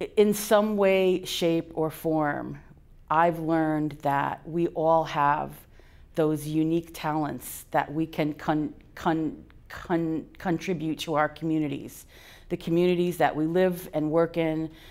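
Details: Adult person who stutters, speaking at a National Stuttering Association conference, with audible sound and part-word repetitions; stuttering.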